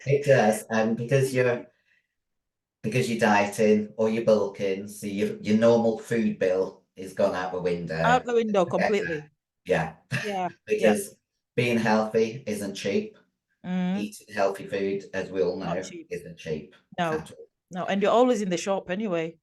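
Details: Female bodybuilder with androgen-induced voice deepening (virilization) after taking large doses of male steroids (performance-enhancing drugs). Her voice was formerly high-pitched and is now very deep, and she can no longer sing. She also has chronic kidney disease from drug use.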